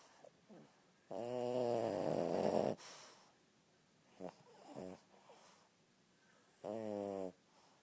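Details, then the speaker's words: Sam, described as a baby who snores loud and keeps folks awake at night, sleeping with long, loud, buzzing snores with rough vibration and quieter snuffling breaths between them; snoring. "I got him. He's a baby. He snores loud."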